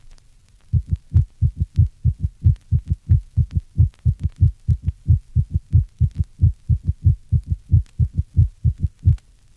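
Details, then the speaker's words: Loud low-pitched ventricular diastolic (S3) gallop, an extra dull third sound after each pair in regular rhythm, best heard with the stethoscope bell at the apex, recorded from a patient with severe heart failure; often the first clinical finding of heart failure. "it is often the first clinical finding of heart failure this recording is taken from my patient with severe heart failure note the loud ventricular diastolic gallop"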